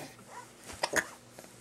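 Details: Infant just over two months old, smiling and kicking on a changing table: two quick, sharp little catches in the throat against quiet room noise; hiccups.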